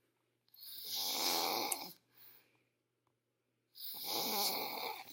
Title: Momma snoring